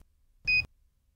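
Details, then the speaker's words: Philips HeartStart HS1 AED, training video: a single short, high-pitched maintenance chirp with the ready light off, signalling the device needs attention, e.g. a low battery. "if the ready light is not on and the on site is chirping"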